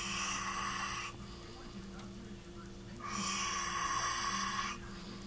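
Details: Snoring recorded while an earlier recording of the same person's snoring was played back, so two snoring tracks overlap: harsh, noisy breaths every couple of seconds over a steady background hum.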